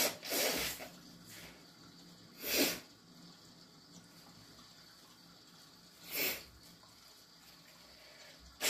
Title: Very snotty morning - Induced sneezes and nose blowing